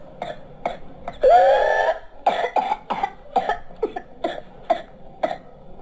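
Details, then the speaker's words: Child whose mild cough worsened over time, with whooping cough (pertussis, Bordetella pertussis): a rapid run of harsh, violent coughs broken by a long high-pitched whooping breath in. "يعاني الطفل من نوبة سعال عنيفة وشديدة، ولكن هل سمعتم الصوت الذي يصدره عند استنشاقه الهواء؟ إنه صوت شهقة أو صيحة، وهذا الصوت هو الذي أعطى هذا المرض اسمه."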